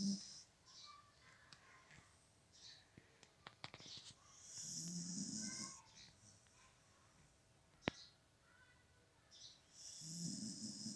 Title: Cute Beagle snoring